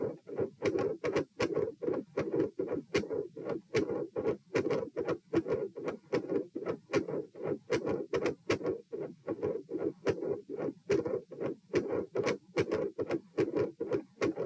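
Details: Stethoscope heart sounds at position P, supine, during repeated dry swallowing: clear paired sounds at about 75 beats a minute, uneven rhythm from early beats. Premature atrial contractions with heart rate increase; swallowing-induced atrial tachycardia or PDA questioned.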